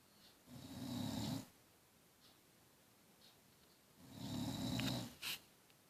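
Two slow, rattling snores about three seconds apart, with quiet pauses between; ordinary snoring in a quiet room.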